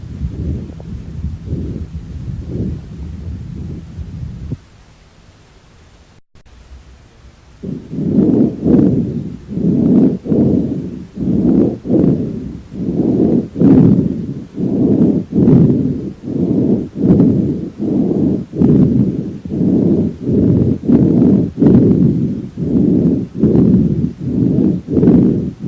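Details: Stethoscope over a horse's chest: soft repeated low rushing breath sounds, normal equine lung sounds.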